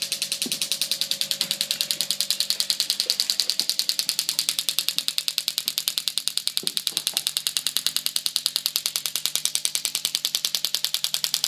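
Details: Horse with sacroiliac joint pain treated with a STORZ MASTERPULS VET shock wave unit with the DEEP IMPACT tip, about 1,500 shocks to the SI joint area: rapid, very regular sharp snapping pulses, about 200 a minute.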